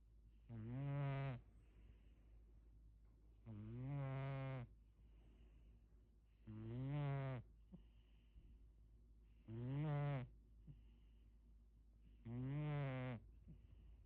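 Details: Five loud, rumbling, buzzing snores from a sleeping man, one every three seconds or so with quiet gaps, about 21 breaths a minute: regular heavy snoring.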